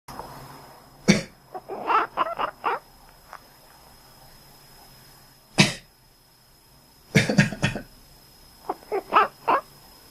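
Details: Cough, recorded to show a cat's reaction to it.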